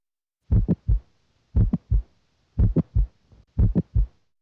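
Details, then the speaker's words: Mid-systolic click from mitral valve prolapse, heard with the diaphragm at the apex: regular heartbeat near 58 a minute with an extra short, sharp, high-pitched sound between the first and second sounds. "you may hear a mid-systolic click early in systole this short high-pitched abnormal sound results from mitral valve prolapse and is best heard with the diaphragm at the apex"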